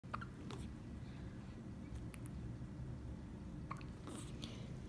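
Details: A 1-month-old infant with hiccups: several soft, brief catches spaced a second or more apart over a low room rumble.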